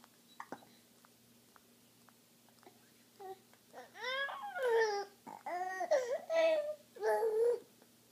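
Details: Baby boy with hiccups: fussy, whimpering cry sounds that build into short voiced wails, after a few soft clicks in a quiet room; infant cry.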